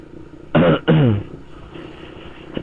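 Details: Person with a cough, and a cold starting, recording a motorcycle vlog: two quick, harsh, voiced dry cough bursts with no rattle, over low room noise.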